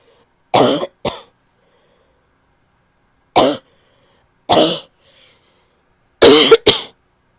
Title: annoying barky cough (f)